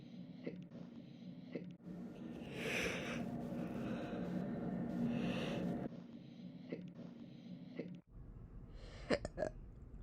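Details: Brief, sharp hiccup catches over steady room noise: a person's random hiccups, audio-only recording up to September 2022.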